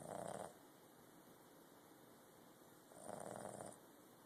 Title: Snoring pup